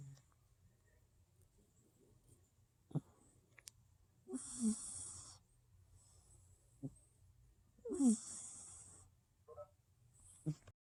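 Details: Cat snoring: soft breathing with two rattling, hissing snores on the in-breaths a few seconds apart, in a quiet room. Snoring.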